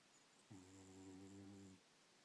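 One steady, low, buzzing snore lasting over a second from a sleeping cat, with faint high-pitched background noise.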